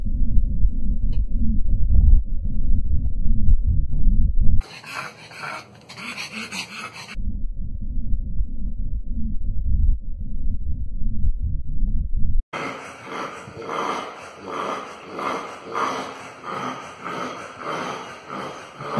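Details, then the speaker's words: A dog with grade 3 brachycephalic obstructive airway syndrome at rest: loud, low, rasping, saw-like stertor from a severely obstructed upper airway, clearly audible even at rest. "So that's grade 3. Even at rest, you can hear it very loud, clear, loud and clear."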